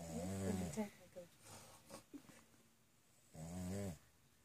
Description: Dog snoring